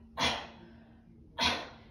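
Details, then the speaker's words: Sneezing, two sharp hissing bursts of air about a second apart, each fading quickly, heard during cold and flu season in a pelvic floor physical therapy tip on protecting against leaking urine when coughing or sneezing. "hi it's cold and flu season right now so if you catch yourself coughing and sneezing and feeling that oh I leaked a little bit try this"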